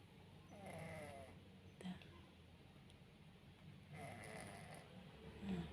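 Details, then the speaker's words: Sleeping cat's slow breaths, each with a soft, faintly whistling snore, recorded close up over a low room hum; snoring. "toh kedengeran gak kalau orang itu Norak itu hah kita dekatkan suara nafasnya"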